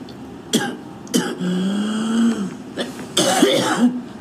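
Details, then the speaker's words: A young woman smoker outdoors at about minus 20 degrees, smoking while coughing: several harsh, rough coughs, throat clearing and hocking up phlegm to spit, some with a voiced groan, in wind noise; a smoker's cough. "Gathering up on the ground. It's like minus 20 out here. I gotta quit smoking."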